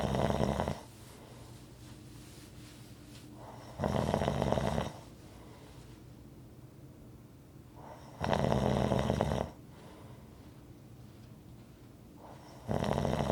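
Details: Loud, rattling snores about every four and a half seconds, roughly 13 a minute, with quiet breathing between: regular rhythmic snoring.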